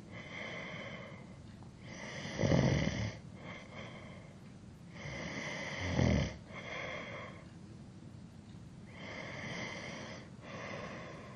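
Rough snoring breaths with a whistling, nasal edge over steady background hiss, irregular rhythm; ordinary snoring.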